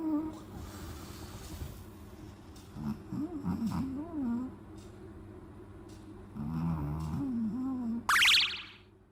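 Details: Chihuahua snoring loudly while asleep: a hearty snore.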